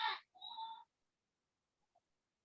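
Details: Woman with global aphasia after a thrombosis destroyed the left side of her brain, using nonverbal sounds instead of words to express a want; global aphasia, nonverbal vocalization.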